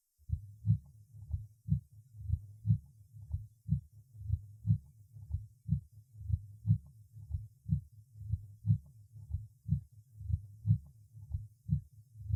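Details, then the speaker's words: Weakened first heart sound at the apex in a patient with extensive myocardial infarction: regular, slow heart sounds with a soft first sound. "прослушайте ослабление первого тона на верхушке сердца у больного с обширным инфарктом миокарда"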